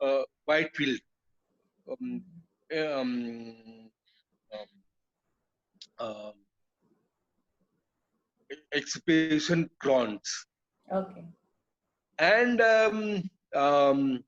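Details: Adult male, years after a haemorrhagic stroke hitting the speech centre with total speech loss, relearned speech through speech therapy; still hesitates and cannot always finish sentences: non-fluent aphasia.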